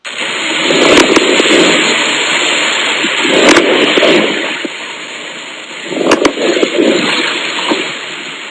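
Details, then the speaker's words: Fine crackles (estertor crepitante) from air moving fluid in the alveoli: brief crunching pops through each breath. "entonces pueden darse cuenta de la diferencia que hay entre los sonidos el estertor crepitante se escucha como un crujido"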